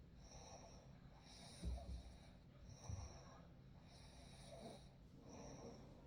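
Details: Real night recording: soft, low snoring breaths with a couple of snorty bursts under steady background ambience; gentle snoring.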